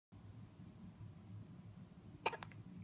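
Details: Hiccups: one sudden, short gulping hiccup with a faint echo after it, over a low steady room hum.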